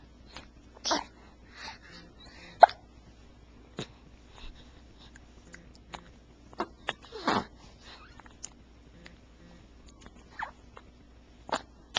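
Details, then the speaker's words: Female dog with hiccups at 4 a.m. just after her feeding, not bothered by them, described as her worst case; about a dozen short, sharp gulping clicks at irregular intervals over twelve seconds in a quiet room. "she's the worst case of hiccups I've ever heard from her she's obviously not bothered by them but still"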